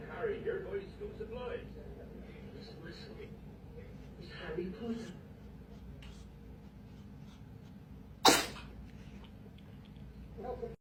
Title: @Petopias - Animals Sneeze Collection